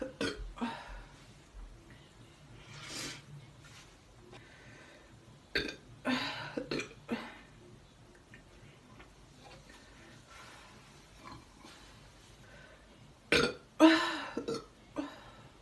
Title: Nice burping